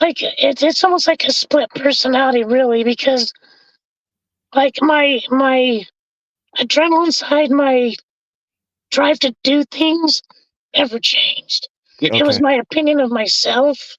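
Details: Adult male with vocal cord paralysis from a severe injury; told he would need a feeding tube and tracheostomy for life, trach removed after two months, scope later showed cords still paralysed; has spoken this way for over 25 years.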